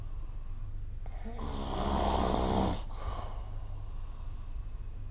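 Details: Snoring recorded with the SnoreLab phone app: one long, low, rattling snore on a breath in during sleep, with quiet room noise before and after.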